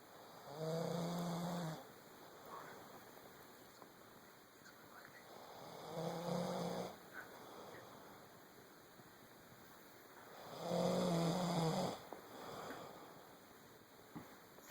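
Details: A person snoring: three low, rumbling snores on breathing in, about 12 per minute, with softer breaths between over steady room hum; ordinary snoring.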